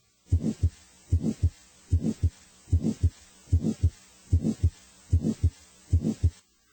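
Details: Teaching recording of a grade 3/6 heart murmur on the six-point scale: a regular heartbeat at about 75 a minute with a moderately loud whooshing murmur between the paired heart sounds.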